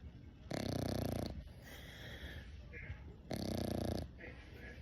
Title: English Bulldog Puppy Snores 🐶